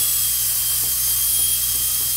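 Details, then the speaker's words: Air-driven dental handpiece running with high-pitched whine and water spray hiss as a rebuilt DCI disc-style universal foot control is depressed; drive air and water spray work simultaneously, no air leaking from the foot control. "okay now let's see this one functioning good with a depress on the foot control we get good drive air we get water spray simultaneously"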